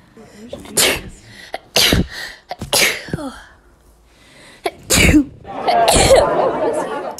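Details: Daughter sneezing: several sharp, explosive bursts of air with quick breaths between them, some with a voiced catch; a run of sneezes.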